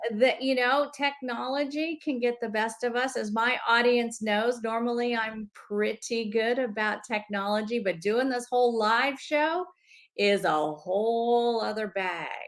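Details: Adult woman speaking; Normal fluent speech.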